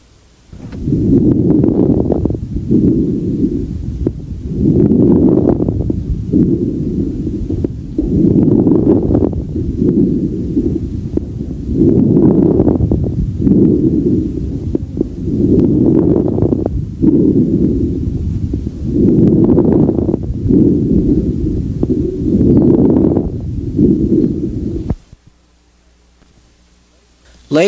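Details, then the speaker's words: Regular breath cycles with crackling bursts late in each inhalation: late inspiratory crackles, originating in peripheral airways, characteristic of restrictive pulmonary disease. "inspiratory crackles appear to originate in peripheral Airways and may occasionally be associated with an end inspiratory wheeze late inspiratory crackles are characteristic of restrictive pulmonary disease"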